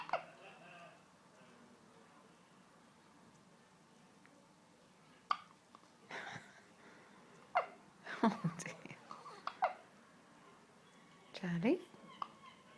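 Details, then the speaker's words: Infant born 5 weeks premature, still in special care unit, with soft vocal sounds and short abrupt breath catches several seconds apart; hiccups, which typically follow every feed. "you always get the hiccups don't you after every feed get the hiccups"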